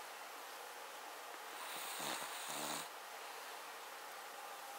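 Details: Cavalier King Charles Spaniel, a small toy spaniel, rough snoring: two rough, rattling snores over steady background hiss, like a sleeping dog breathing through a narrowed upper airway.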